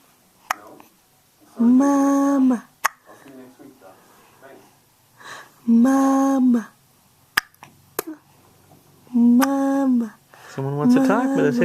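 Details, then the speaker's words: Hiccups in a child, blamed on too much thumb sucking, with adults talking nearby. "Oh someone's got the hiccups see too much thumb"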